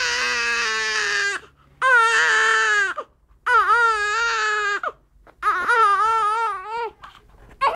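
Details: Loud, sustained infant crying in long wails with short breath pauses, about four cries in eight seconds: ordinary baby crying.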